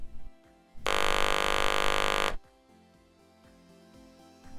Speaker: This is what a device sounds like when it is muffled or has excessive buzzing. And this is what the device should sound like.